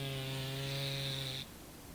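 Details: Pet cat snoring: a steady, buzzy, low-pitched rattling tone lasting about a second and a half, then quiet.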